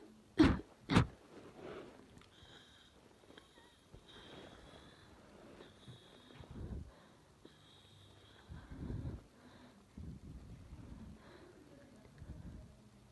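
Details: Ill person whose chest hurts badly: two forceful, explosive wet sneezes in quick succession, then sniffling, congested breaths; repeated sneezing with blocked, runny nose.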